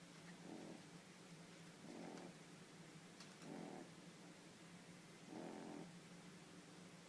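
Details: Snoring in a sleeping 12-week-old French Bulldog puppy: soft, regular, purring snores about every second and a half in a quiet, hissy room.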